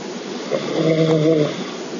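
A single short, buzzing snore with a low vibrating tone over steady room noise.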